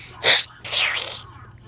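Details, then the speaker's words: A child deliberately tries to make a weird sneeze: a single sneeze with a sharp hissing intake followed by a longer, breathy explosive burst. "so I'm gonna see how I can do the weirdest sneeze."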